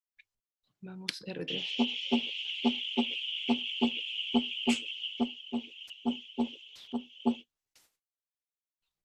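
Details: Third heart sound (S3).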